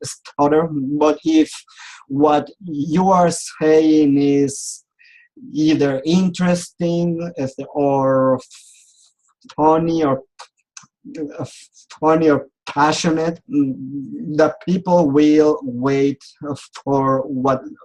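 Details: Adult male who has stuttered since age 4, attended speech therapy, and still clearly stutters; stuttering.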